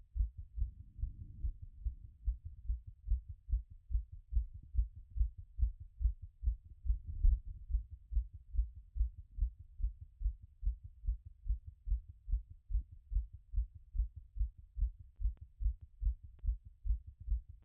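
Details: Self-recorded post-workout heart auscultation after the heart rate had peaked around 180: rapid, regular, strong heartbeats, the rate already settling from its peak; heart sounds after exercise.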